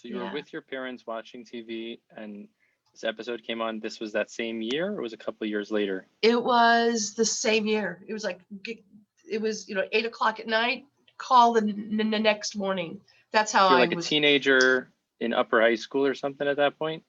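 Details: Adult speakers in conversation; ordinary conversational speech.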